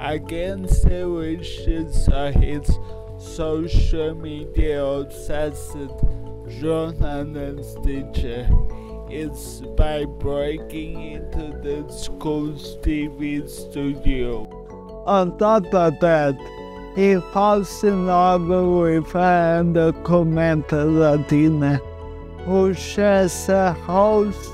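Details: Adult male with cerebral palsy, speech disorder not specifically named; speech in cerebral palsy.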